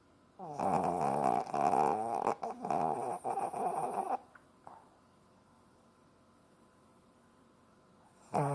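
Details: Lhasa Apso dog, female, asleep in owner's arms at a computer, gives a loud fluttering, snorting snore for about four seconds, then quiet, with another snore beginning at the end.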